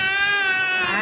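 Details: Infant held still during a medical check-up, crying; one sustained, loud, high-pitched infant cry.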